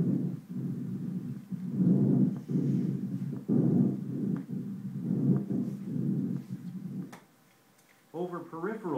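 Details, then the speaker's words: Auscultation of the posterior thorax over the major bronchi, T1 to T4: moderate-pitched, moderate-amplitude breath sounds, inspiration and expiration equally long; normal bronchovesicular breath sounds. "on the posterior thorax you should hear bronchovascular sounds over the major broni from T1 to T4 these sounds are moderate in pitch and amplitude last equally long on inspiration and expiration and sound like"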